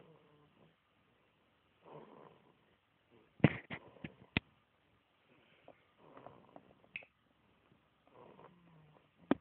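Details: Soft, low rattling snoring breaths in slow cycles, with a few sharp clicks and snorts between them.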